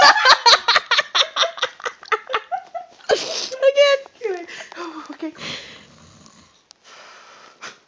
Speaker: okay this is what happen when you plug somebody's nose when they're snoring